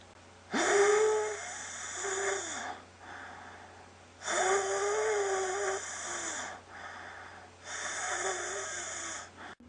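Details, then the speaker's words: Simulated asthma attack in a male patient: labored breaths with shortness of breath and chest tightness, and a musical, whistling expiratory wheeze on each long outbreath, a common recognizable asthma symptom. "he's also experiencing an expiratory wheeze which is basically wheezing when you breathe out this is one of the major and one of the most common and recognizable symptoms of asthma"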